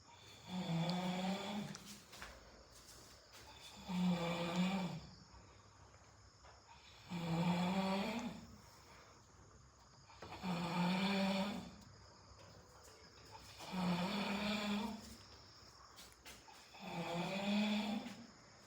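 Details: Loud, rumbling snores on each in-breath, about 18 breaths a minute, steady and regular, recorded during a trip with friends; snoring.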